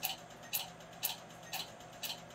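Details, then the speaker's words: Q-switched laser tattoo removal on a patient's tattoo previously treated twice elsewhere: five sharp snapping clicks about half a second apart; stronger sound and more pain where there was more ink color. "now you see this one was Stronger sound and the last one was more painful that's because there was more color in there"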